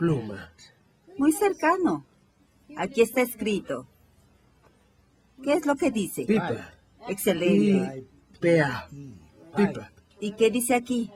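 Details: 58-year-old right-handed woman with logopenic variant primary progressive aphasia, symptom onset 4 years before recording, describing a picture; logopenic variant primary progressive aphasia.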